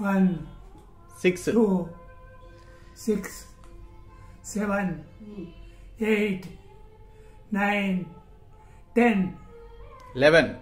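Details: Adult with Parkinson's disease, dysphonia, dysarthria and dementia, counting aloud forcefully during voice therapy, speech reported improved after therapy; hypokinetic dysarthria with dysphonia (Parkinson's disease).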